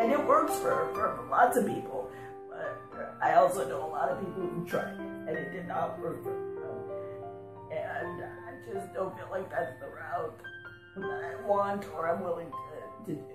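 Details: Spasmodic dysphonia, a neurologic condition, in an adult woman; onset about 6 years ago, several months after a bad flu, diagnosed a few years ago; she calls this a medium day, with most days worse.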